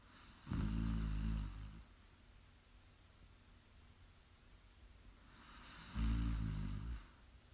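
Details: Snoring during sleep, live recording: two loud, deep, rattling snores about five seconds apart, roughly 11 breaths a minute, with quiet breathing between.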